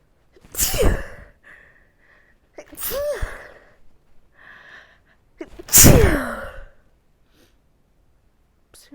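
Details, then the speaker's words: Seasonal allergy sneezing, on and off all day with the change of seasons: three forceful sneezes, each with a drawn-in breath before it, a loud burst and a trailing voiced cry; allergic rhinitis. "I I've been on and off like this all day. It's been almost constant because the change of seasons."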